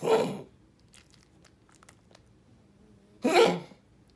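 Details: A dog gives two short, harsh bursts a few seconds apart in a quiet room: cough.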